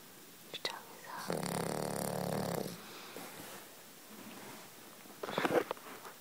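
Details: Sleeping monkey, eyes open and tongue out: a single rough, rattling breath sound with faint sniffs and rustling around it; snoring.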